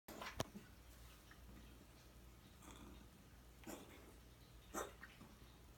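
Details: Cat with undiagnosed chronic cough for 6 months, 1–5 episodes daily lasting 1–4 minutes; blood, X-ray, ultrasound clear; no improvement on dewormers, antibiotics, prednisolone; three or four short, sharp coughs a second apart.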